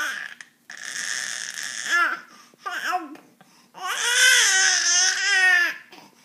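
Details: Baby crying: short fussy whimpers rising into a sustained, wavering cry in a small room; ordinary infant crying.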